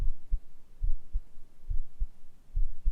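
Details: ASMR medical roleplay home cardiovascular exam: stethoscope auscultation with real heartbeat sounds while the patient answers history questions about symptoms; normal heart sounds.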